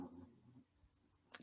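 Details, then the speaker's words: Dog lying asleep at the owner's feet snores softly: a quiet, low rumbling breath noise fading into faint room hush before a brief click. "you hear my dog snoring he's like laying right at my feet snoring really well"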